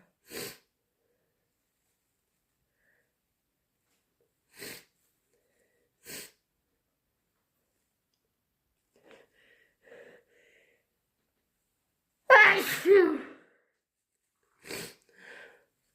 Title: Still sick - Strong, loud sneezes and blows